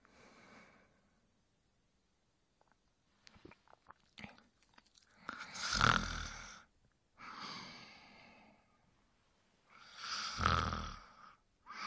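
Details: Adult male snoring during sleep: slow, irregular breaths with rough, whistling snores on some inhalations, separated by silent pauses and a few small smacking noises.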